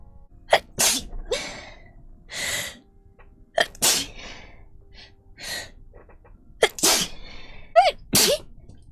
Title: Twitch Girl Sneezing